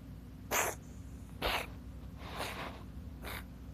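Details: Cat Yui wheezing: noisy, hissing breaths repeating about once a second, a wheezy sound of narrowed airways, while the owner soothes Yui.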